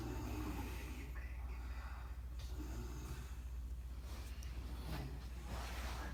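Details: Deep, rumbling snoring breaths with a rough, fluttering quality from a sleeping father, over steady low background hum; snoring.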